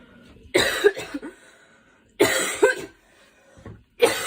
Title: Girl coughing 171